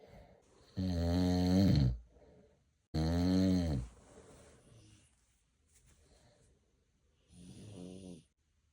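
Loud, rasping snores on two inhaled breaths about a second long, separated by quieter exhalations, with a weaker third snore.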